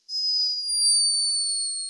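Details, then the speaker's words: A sleeping hummingbird recorded by a scientist in Peru gives a high-pitched snore: a thin, whistling squeak held for almost two seconds. "captured this, escaping from the tiny body of a sleeping hummingbird. A high-pitched but unmistakable snore."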